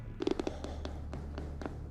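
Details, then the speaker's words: Adult man grinding his teeth during a church deliverance session: brief rapid scraping clicks in a quick cluster, then scattered single clicks. "ele tá rangendo os dentes preste bem atenção o ranger de dentes é uma coisa que remete a nossa mente pro inferno"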